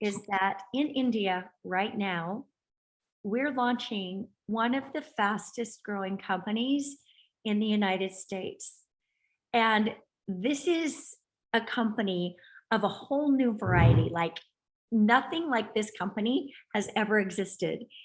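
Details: Adult woman speaking; normal fluent speech.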